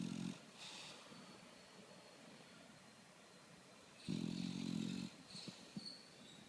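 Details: A sleeping dog snoring: two low rattling snores separated by quiet breathing; ordinary snoring.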